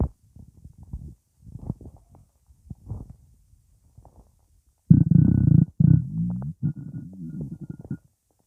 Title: Stomach rumbling